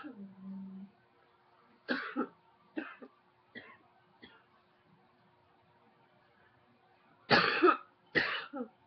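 About six short coughs, softer then two louder harsh ones, in a quiet room.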